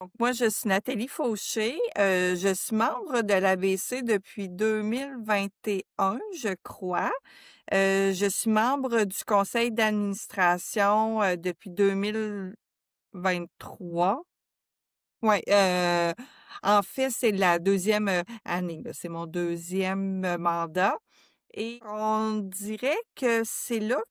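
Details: Real stuttering in an adult French-speaking woman who stutters, a board member of a stuttering association, talking in a podcast conversation.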